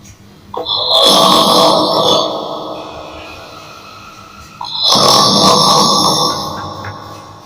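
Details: Two loud, rough, rattling breaths that fade out with a quiet gap between, from a sleeping grandfather; snoring.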